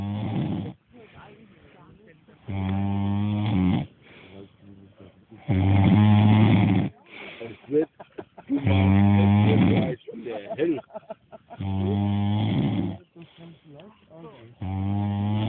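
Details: Heavy snoring: loud, regular rattling snores about 20 a minute with quieter breathing sounds between.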